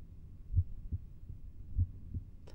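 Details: Normal heart sounds during a cardiovascular examination, heard at the left lower sternal edge with the patient sitting forward and holding the breath in expiration: two clear, low paired thumps at about 50 a minute, with no murmur between them.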